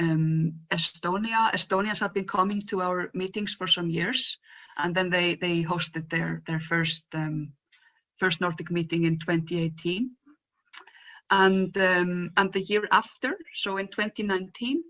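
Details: Real stuttering in an adult woman who says her stutter is quite obvious today; stuttering.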